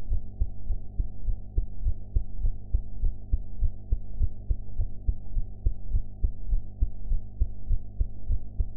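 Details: Own heart sounds recorded after eating ("blue"), audio quality enhanced afterwards: steady, regular low thumping heartbeat at about 100 beats a minute over a constant hum.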